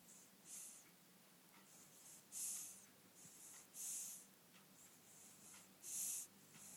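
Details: Very young baby sleeping with heavy breathing: repeated hissing, whistly breathing noises every couple of seconds, fitting light nasal snoring.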